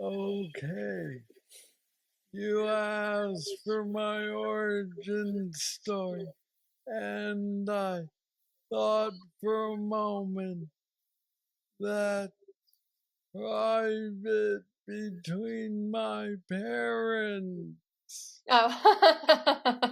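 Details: Man diagnosed with aggressive Parkinson's disease at age 35, now 46 (about 11 years since diagnosis), with mobility struggles; treated with a deep brain stimulator (neurostimulator implant) placed two years after diagnosis; Parkinsonian speech (hypokinetic dysarthria).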